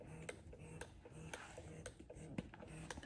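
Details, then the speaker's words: Electric breast pump (Lansinoh) running in its fast letdown mode at the start of a session, before switching to regular pumping: rapid rhythmic cycling with soft motor hum and clicks, about two cycles per second. "it goes through the letdown process. Then it switched to the regular pumping process."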